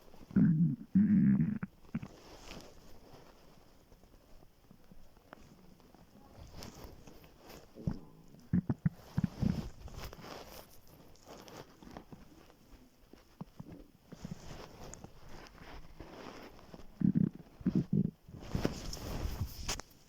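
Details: Low gurgling rumbles and irregular bubbling bursts from an empty stomach, recorded in the morning right after waking while very hungry, before skipping breakfast: ordinary hunger borborygmi.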